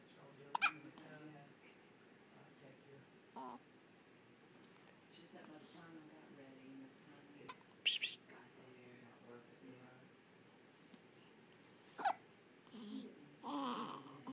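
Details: Hiccups: several sharp, sudden hiccup sounds with soft vocal sounds between them in a quiet room.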